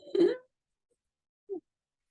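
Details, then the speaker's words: Brief high whistling moan made by voice, imitating the wheeze of asthma or obstructive pulmonary disease from narrowed, inflamed airways; imitated wheezing. "so how does it manifest on clients well the number one we're going to call it the number one symptom or manifestation is this wheezing sound that patients experience so it almost sounds like this like"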